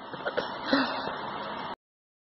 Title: baby sneeze